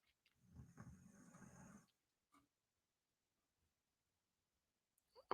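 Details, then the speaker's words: A dog snoring in the background while its owner talks; snoring. "That is my dog snoring. So, I apologize. That is Khloe Kardashian snoring away because me talking about Megan Markle puts her into a coma."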